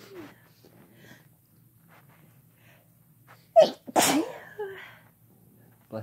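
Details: During a sneezing fit while kissing (female and male couple), a soft inhaled catch, then one loud explosive sneeze followed by quiet breathing; sneezing.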